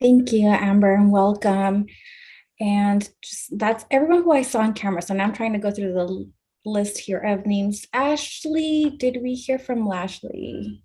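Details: Adult woman speaking; normal speech.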